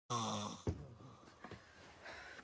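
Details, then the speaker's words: One loud, rough, buzzing snore of about half a second, then a soft snort and quiet breathing, acted in a comedy sketch; simulated snoring. "Cagarme en todo tus muertos. que roncas como una morsa moribunda."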